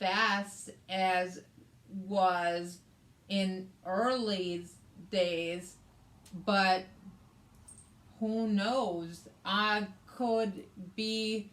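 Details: Adult woman with aphasia, also affecting reading and writing, plus right-sided hemiparesis after a hemorrhagic stroke on May 19th 2020 treated with brain surgery and ICU care; aphasia.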